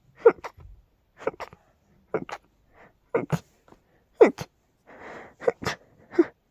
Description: Had a very rapid fit with quite big and loud sneezes! I just couldn't contain them... Dust and pollen are a vicious combination 🤧🤧🤧